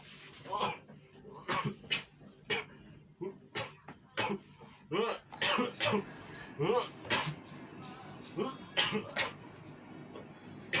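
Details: Many short, forceful coughs in quick succession with throat noises and faint background sounds; severe repeated coughing fit.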